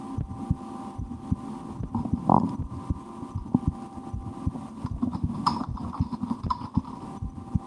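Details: Own heartbeat recorded through a stethoscope for relaxation, sometimes holding breath or trying to raise the rate, with a loudly digesting stomach after lunch: soft regular low thumps, faint steady hum and rustles; normal heart sounds.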